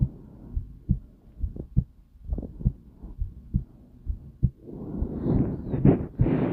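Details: Slow heartbeat: soft low thumps at roughly 65 a minute, somewhat uneven, with rising rushing noise near the end; described as calm and peaceful.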